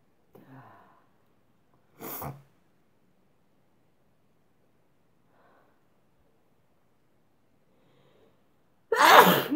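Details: Sneezing into a handkerchief: a small sharp burst, then after a quiet spell a louder explosive sneeze, muffled by the cloth.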